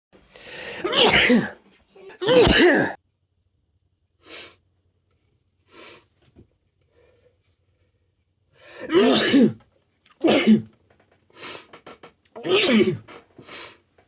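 A series of loud sneezes, about five, each with a sharp inhaled build-up and explosive release, separated by quiet pauses.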